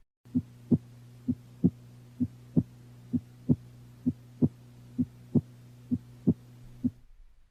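Regular paired lub-dub heart sounds at about 65 beats a minute over a steady low hum; a normal second heart sound (S2) follows each first sound.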